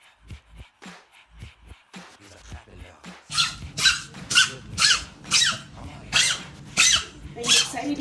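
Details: Partial tracheal collapse in Saki, a Chihuahua diagnosed at age 10, MRI-confirmed intrathoracic, treated with bronchodilator and cough syrup: a run of harsh, goose-like honking coughs.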